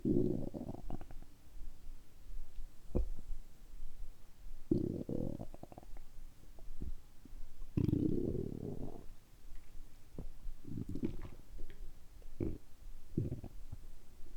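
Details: Bowel sounds after fasting about 12–13 hours and then drinking carbonated water on an empty stomach: repeated low gurgling rumbles with short pops and bubbling over about fourteen seconds, active stomach rumbling.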